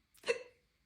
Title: tik tok hiccups 1